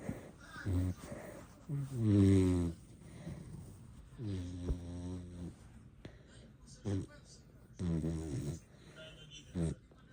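Low, fluttering snores come in irregular bursts between quiet breaths; ordinary snoring.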